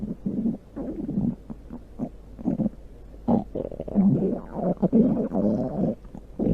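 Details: Loud stomach growling: loud, long gurgling and rumbling abdominal sounds in bursts, ordinary borborygmi from gas and fluid moving through the gut.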